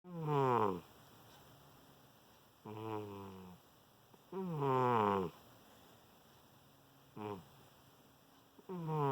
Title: Snoring kitty"Vinnie"